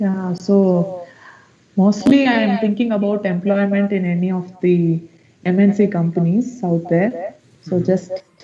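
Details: Puberphonia in a male student with a high-pitched, feminine-sounding voice for 5–6 years; pre-therapy recording made on the voice therapy assessment day.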